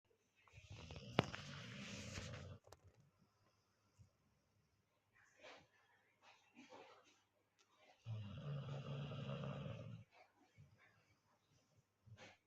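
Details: Golden retriever puppy snoring during sleep: two long, low rumbling snores a few seconds apart with soft breathing noises between them.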